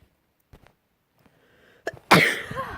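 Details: A few quiet catches of breath, then one sharp, loud explosive burst; a single messy sprayed sneeze.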